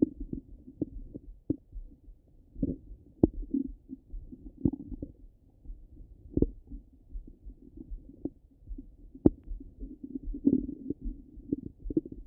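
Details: Active bowel sounds heard over the abdomen: irregular low gurgles and bubbling rumbles with scattered sharper pops.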